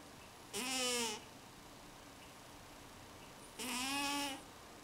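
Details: Sleeping cat snoring, recorded in 2009: two high, whistling, nasal snores about three seconds apart, with quiet between them.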